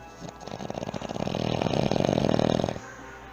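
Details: Heavy snore likened to a NASCAR race track: one long, loud, rattling breath with a fast buzzing flutter that swells and then stops abruptly.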